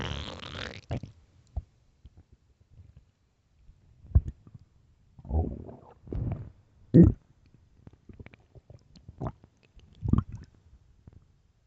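Irregular low gurgles and rumbles with a few louder bursts, separated by quiet gaps: stomach growling from hunger, a normal gut sound.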